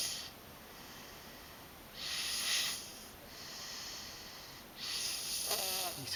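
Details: Snoring while asleep: slow, noisy, rasping breaths, roughly 20 a minute, ending with a brief snort.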